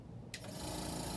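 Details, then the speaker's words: Portable suction machine switched on to test equipment before trach suctioning in a student nursing demonstration, pressure set to 5–10 (wall suction would be 120–150): steady whirring, rushing motor hum after quiet. "if it was a wall suction it would be 120 to 150 but since we have a portable one we want it to be five to ten i'm going to turn it on"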